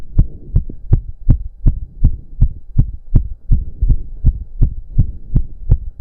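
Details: Male during a roughly 15-minute intense cardio workout, with heavy breathing. Fast, regular, forceful heartbeat of about 160 bpm; reported close to 200 bpm. Sinus tachycardia after exercise.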